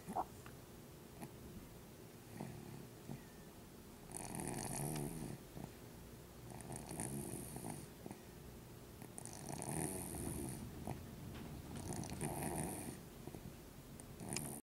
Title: 4-8-10 snoring